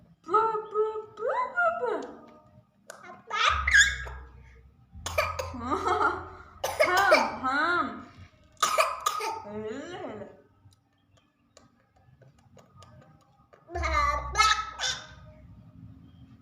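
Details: Child imitating mother's voice, high voice mixed with laughter and a few short coughs brought on by laughing.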